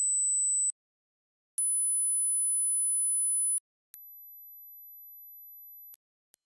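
Four steady, high-pitched pure tones separated by silences, each higher than the last: a rising-pitch ear-age hearing test.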